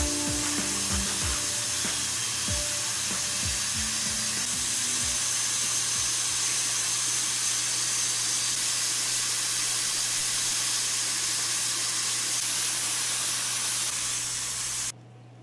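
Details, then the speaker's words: Dental high-speed drill removing decay from interproximal cavities between front teeth on a mannequin, before a composite resin filling: steady high-pitched hissing whine, faint music early on. "Le forage"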